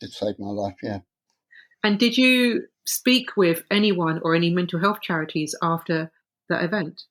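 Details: Adult speakers in conversation, likely two voices; ordinary conversational speech.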